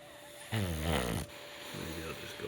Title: Dog snores while I do yoga.